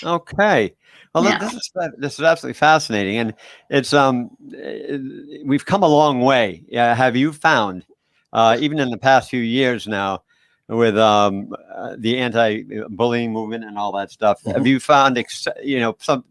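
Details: Adult male interviewer; Normal conversational speech.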